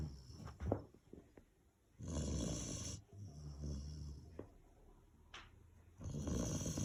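Low, rough rumbling breaths during sleep, loud and irregular: snoring in a large dog.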